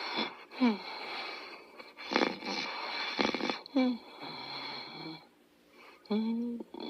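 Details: Snoring with whistling airflow during sleep: whistling, squeaky nasal noises with some rough breath bursts, in a small room.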